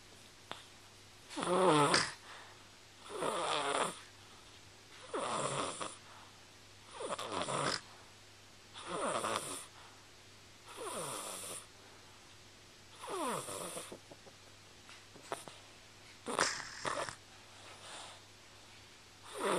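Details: Snoring recorded with a Flip Video camcorder: loud, rough snores with each breath, about 32 a minute, uneven in spacing and strength; ordinary snoring.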